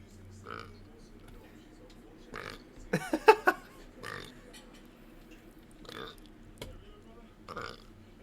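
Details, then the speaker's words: A person burping: a short run of quick, throaty belching sounds over low room noise; burping. "Oh, pardon me. I just burped. I just burped while listening to that. I didn't mean to, huh?"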